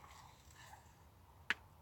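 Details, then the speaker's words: A single sharp crack from an adult's knee, which the owner says is a bad knee, heard against quiet room noise: knee crepitus (joint cracking). "For those that heard that, that was my knee cracking."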